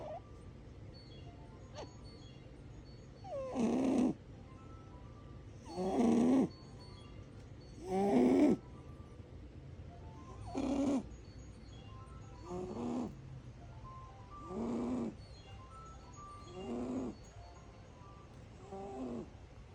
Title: My cat snoring like a human